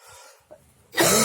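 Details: A single harsh, loud cough burst after quiet breathing noise from a person who reports feeling weak, coughing, dizzy; an ordinary cough.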